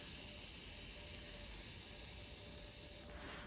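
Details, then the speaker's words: Inflatable cervical neck traction collar being released after use: gauge unlocked and a steady hiss of air escaping as the collar deflates. "and i'm going to unlock the gauge here good and there should be a fair amount of air starting to go i can deflate"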